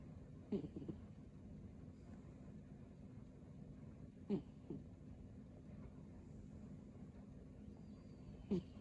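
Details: Snoring from a sleeping pet cat, with short rattling snore bursts, each followed by a softer sound, about every four seconds over a steady low hum.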